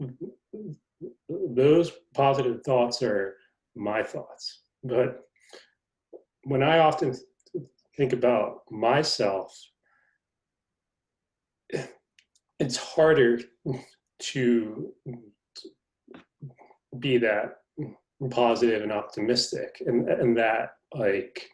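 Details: Adult male reporter who is a person who stutters; stuttering.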